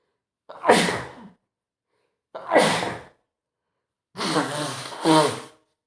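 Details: Adult male with a spring cold and runny nose: three sharp explosive sneezes, each preceded by a quick breath in, the last two close together; sneezing.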